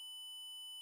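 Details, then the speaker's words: Optimum apex locator on a demonstration model, with a metal bar serving as the lip clip: the endo file on the file clip nears the apex, giving a steady high continuous alarm because the tip is within 2 mm. "the file with the file clip and approach the Apex there will be a continuous alarm when the distance is less than two millimeters"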